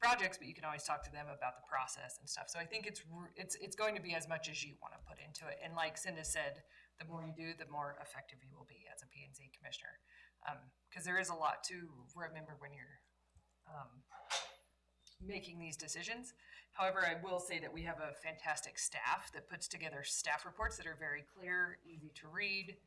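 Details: Adult woman speaking; normal speech.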